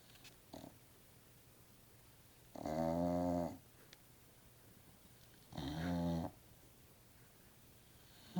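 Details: Sleeping Staffordshire bull terrier (staffie) snoring: buzzing snores about a second long, roughly three seconds apart, in a quiet room. Dog snoring.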